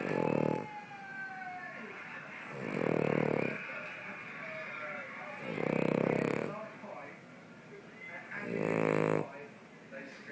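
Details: Cavalier King Charles spaniel snoring: loud rattling snores, four in ten seconds, with quieter breaths and background sounds between them.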